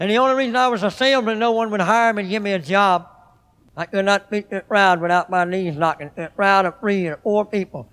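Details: Adult man with a hare lip from youth, heard on a recorded live motivational speech where his speech impediment is called very apparent: cleft lip and palate speech (hypernasality).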